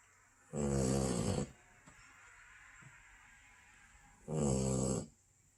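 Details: Basset hound snoring: two loud, rough, vibrating snores about four seconds apart with quiet breathing between, roughly 15 breaths a minute.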